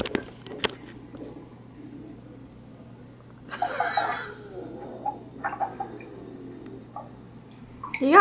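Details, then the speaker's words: A gurgling, rumbling burst from a hungry adult's stomach during a cystic fibrosis clinic visit, over quiet room noise; stomach growling (borborygmi). "Yeah, my stomach's growling."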